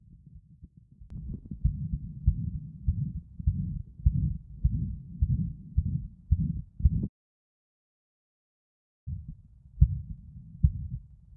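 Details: 11-year-old boy with exertional shortness of breath, recorded with a Thinklabs One digital stethoscope at apex, LLSB, LUSB and RUSB while standing and squatting: prolonged harsh high-pitched systolic ejection murmur near 100 bpm, louder standing, softer squatting; hypertrophic cardiomyopathy, 25 mmHg LVOT gradient.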